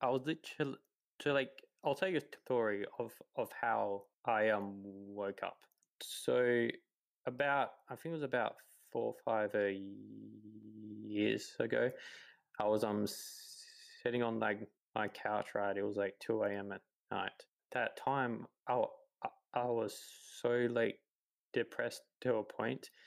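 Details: 28-year-old man who has stuttered his whole life, since about age three; repetitions and fillers; stuttering.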